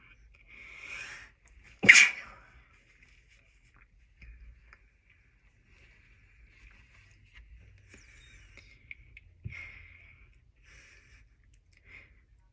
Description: Sniffed some chhinkni right before my roommates got home. Had to be quiet